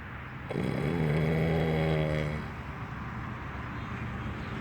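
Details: Nip, apparently faking sleep to avoid work, snoring: one long, loud, buzzing rattle on a single in-breath, dying away into quiet breathing.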